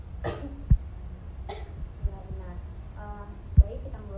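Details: Voluntary forceful cough during an effective coughing procedure, after deep nose breaths held for three counts and exhaled by mouth, coughing hard on the third count to clear phlegm: a few short forceful coughs among quiet speech.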